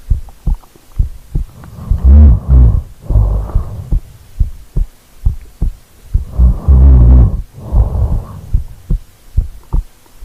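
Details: Real-time recording of a sleeping person who rolled over, heartbeat captured: muffled low heartbeat thumps with slow heavy snoring breaths about 13 a minute; ordinary sleeping sounds.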